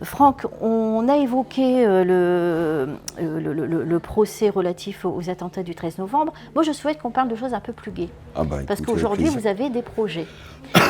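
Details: Adult radio host; normal voice.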